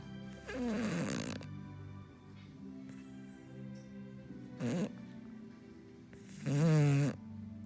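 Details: Sleeping puppy named Bodie snoring: loud, low, rattling snores, three in under eight seconds, over television sound.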